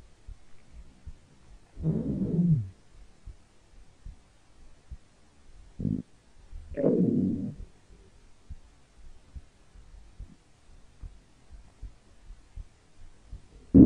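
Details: Stomach growling, described as from hunger: two drawn-out gurgling growls and a short rumble against a quiet background.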